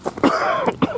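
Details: Brief harsh cough or throat clear from an adult man outdoors on a windy, cloudy day; he has a sore throat and says cough medicine isn't helping.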